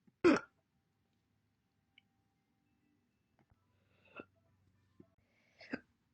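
One sharp, abrupt vocal catch, then a few fainter short gulping sounds in near silence; single hiccups.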